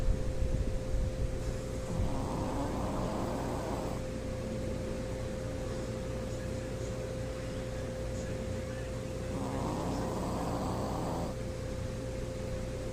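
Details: Two rough, noisy snoring breaths from a sleeping Shih Tzu dog, about seven seconds apart, over a steady hum.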